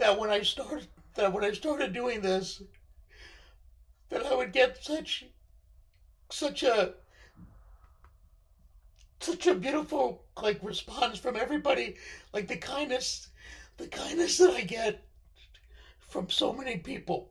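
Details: Male speaker with left-sided vocal cord paralysis following surgery, which limits his voice control; unilateral vocal cord paralysis.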